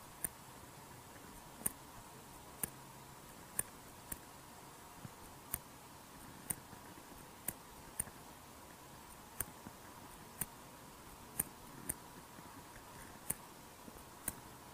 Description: Artificial cardiac valve sound